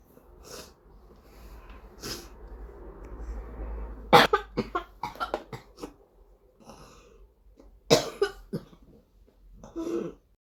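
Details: Whooping cough (pertussis) in a 12-year-old child: bursts of rapid, repeated coughs with noisy breathing between them.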